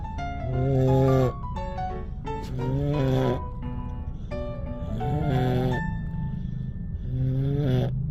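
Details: Toddler at about day 960 of life dozing off while chewing a meal after an exciting outing: uneven, breath-linked snorts over steady background noise, ordinary child snoring.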